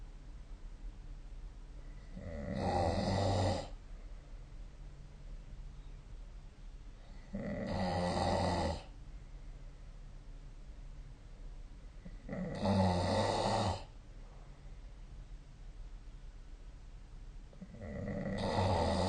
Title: 🐽 本日のイビキ / Snoring Sleep Sound